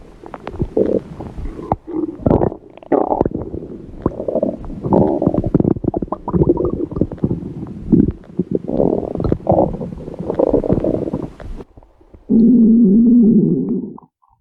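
Long rolling, gurgling stomach growl with bubbling bursts and a final drawn-out rumble; ordinary, harmless gut sounds.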